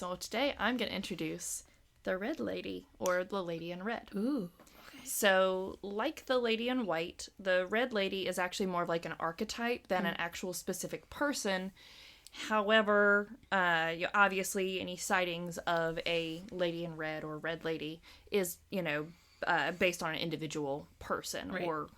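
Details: Adult woman speaking; Normal speech.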